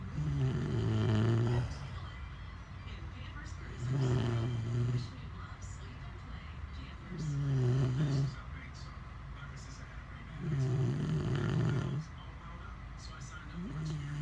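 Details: Husband and French bulldog snoring very loudly together: deep, rumbling, fairly regular snores, about 17 a minute, with quieter breathing between.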